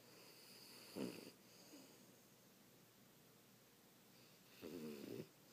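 Two soft, rough snoring breaths over a quiet room background, typical of sleep snoring.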